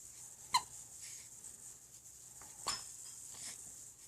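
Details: 3-week-old baby girl with hiccups she can't get rid of: two brief, sharp infant hiccups about two seconds apart in a quiet room; she seems untroubled.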